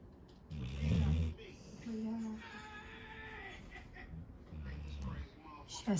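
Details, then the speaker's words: Sleeping Labrador dog on a bed keeps snoring as someone calls to him softly: two low, rattling snores a few seconds apart; snoring during sleep. "все вернулись любовь моя такой ужасный голос что он не понимает кто его зовёт продолжает храпеть Это очень смешно"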